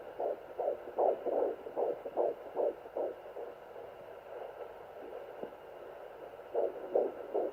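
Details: Rapid, regular whooshing pulses at about 150 a minute from a Sonoline home fetal Doppler at 14+4 weeks of pregnancy, fading out midway then returning: fetal heartbeat.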